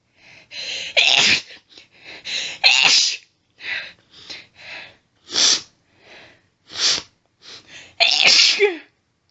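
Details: Female, rapid run of about a dozen stifled, hissing sneezes with heavy hitching breaths between: an intense sneezing fit set off by stifling.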